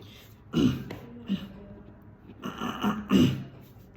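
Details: Person with Tourette syndrome producing a throat clearing vocal (phonic) tic, which people mistake for Covid: throat clearing tic.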